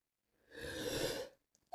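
A single breathy, hissing sneeze lasting under a second, followed by a faint exclamation.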